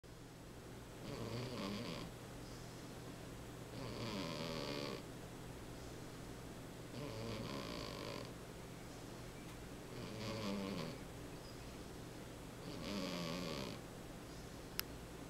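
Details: Cat snoring during a nap: five soft, regular snoring breaths over fifteen seconds, about 20 a minute, over a steady low room hum.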